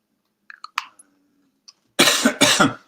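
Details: A few soft mouth clicks and a faint hum, then two harsh, rapid coughs in a quiet room from an adult who says they are wheezing: adult cough.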